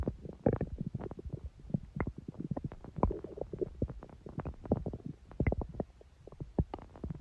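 Continuous gurgling, bubbling and rumbling with quick pops from the belly; ordinary stomach growling from moving gas and fluid.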